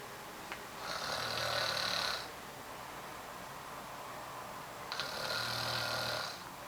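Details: Snoring during sleep: two long, rough, hissing snores about four seconds apart with quiet breathing between, about 15 breaths a minute.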